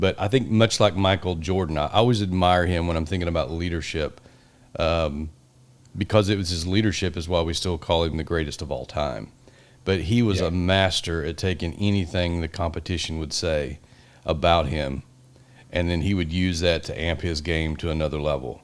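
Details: Adult male speaker; typical speech.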